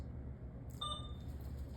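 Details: Single short electronic beep over quiet room hum: keypad tone of a PCA infusion pump as channel select is pressed to give an ordered 0.5 mg bolus for a patient's pain above six.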